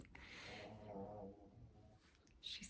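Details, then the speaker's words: A female dog snores from across a quiet room: a loud, rumbling, fluttering breath sound that fades out before a brief noise at the end; snoring. "Can you hear my dog snoring? She's across the room."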